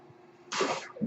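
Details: Speaker's own mechanical ventilator heard while the user talks during a podcast recording: low room hum, then a sudden rushing whoosh of air lasting under half a second; a mechanical ventilator breath cycle.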